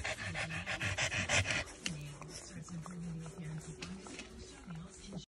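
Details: Purebred 50-pound pug breathing normally: rapid panting followed by softer, slightly snuffly breaths; owner says he breathes fine.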